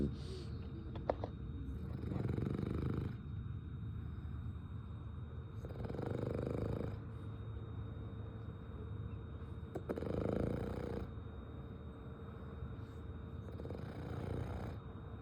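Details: French bulldog sleeping and snoring: slow, regular rumbling snores, about four breaths over fifteen seconds, with a steady background hum.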